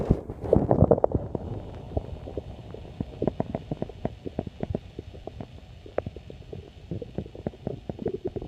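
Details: Irregular bubbling gurgles and low rumbling clicks from the belly: stomach growling (borborygmi).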